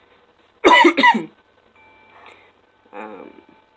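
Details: Adult man with Tourette syndrome who reports a new vocal tic; vocal tic (Tourette syndrome).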